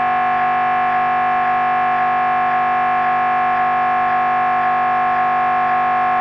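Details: MRI brain scan: steady loud buzzing drone with a regular pulsing beat, about two pulses a second, the scanner running a sequence.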